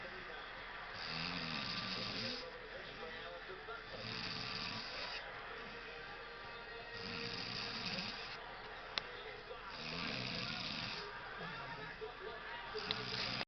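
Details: Pregnant woman snoring in sleep: loud, rough snores with each breath in, about 20 breaths a minute, over faint steady room noise.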